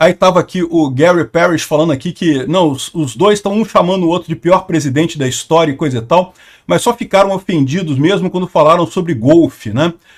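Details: Adult male speaker; no disorder.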